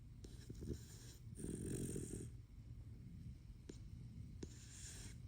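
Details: A sleeping male dog gives a soft, low rumbling snore with a louder snorting breath in the middle and quiet breathing noise around it; snoring.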